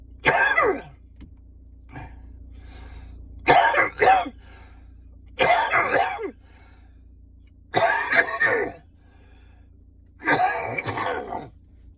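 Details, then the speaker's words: Adult with a lung condition having a productive coughing fit in a parked car after walking up steps, clearing mucus and sometimes dizzy: five clusters of harsh, wet coughs and throat clearing over twelve seconds with quiet gaps. "just having a bit of a cough fit. body's trying to clear all the mucus. This is what to expect."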